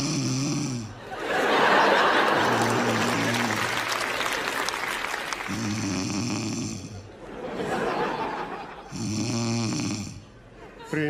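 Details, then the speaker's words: Simulated snoring in a comedy stage sketch: loud, exaggerated acted snores alternating with audience laughter and music, an imitation of snoring rather than real sleep. "не храпят как она это делает чем она это делает"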